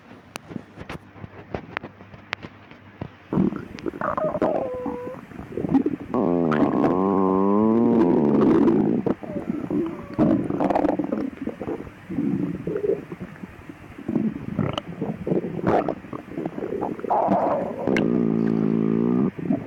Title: stomach growling in the midnight